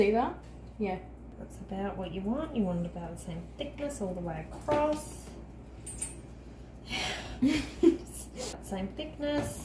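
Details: Adult woman; normal speech.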